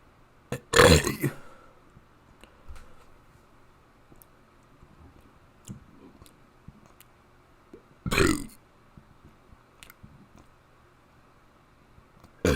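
Two loud, drawn-out voiced belches with quiet clicks and room noise between them; deliberate burping.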